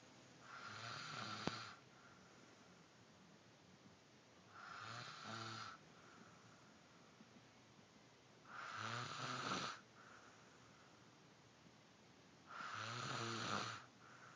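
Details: Snoring during sleep: four rattling, snorting snores on in-breaths, about 15 breaths a minute, with quiet gaps between.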